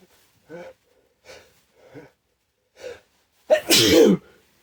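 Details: Sneeze set off with a chhinkni after white pepper stuck in the nose burned and watered the eyes: short breathy build-up sounds, then one loud, explosive, wet sneeze.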